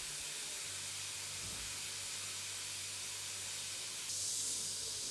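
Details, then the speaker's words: Diamond bur used on enamel to bevel the cavity edges while replacing a cracked old composite filling in a molar, with water cooling: steady high-pitched hissing spray with a faint low motor hum; dental drill with water spray. "since we are working on the enamel I switch back to the diamond bur with"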